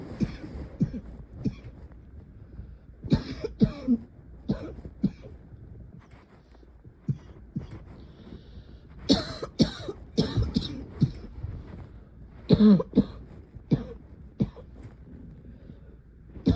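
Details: Middle-of-the-night coughing fits that go on all night: repeated coughs in clusters, with a few throat clears, in a quiet room.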